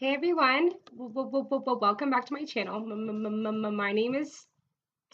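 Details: Adult woman who reports severe stuttering that varies greatly through the day and week, often hidden or controlled with techniques such as prolongations; stuttering.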